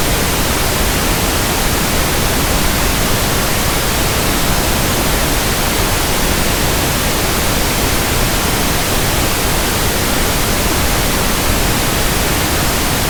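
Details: Simulated pink noise for tinnitus sound matching and frequency testing: a steady, soft, even hiss with no breaks, for comparing with ringing, buzzing or persistent background tinnitus.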